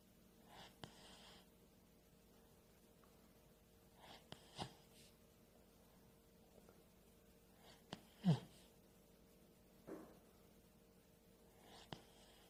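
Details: Light snoring from a sleeping puppy: soft snorting breaths, about five in twelve seconds, in a quiet room.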